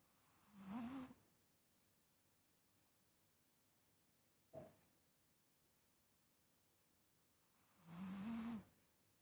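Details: A sleeper snoring: two rough, low snores about seven seconds apart in a quiet room, with a faint steady whine in the background.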